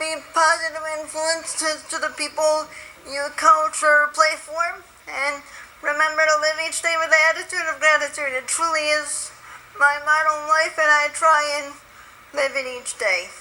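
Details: Spastic dysarthria from spastic quadriplegic cerebral palsy in a woman born 3 months premature at 1 lb 14 oz, who uses a wheelchair; she says her muscles are very tight and it is more audible when excited.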